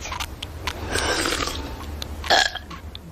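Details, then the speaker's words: Burping during a burp contest: a drawn-out, rumbling belch with a loud burst near the end, over low background noise. "we're having a burp contest mom well knock it off I do not allow burping in this house"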